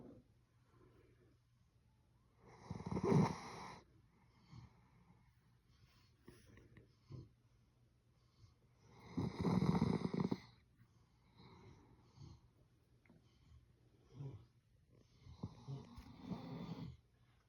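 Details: Big dog snoring: loud, rasping snores on the in-breath about every six to seven seconds, with softer breaths between, in a quiet room; ordinary dog snoring.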